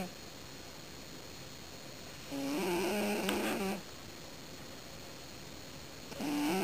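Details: Luna sleeping on the couch: two rough, buzzing breaths of about a second and a half each, separated by quiet pauses; snoring.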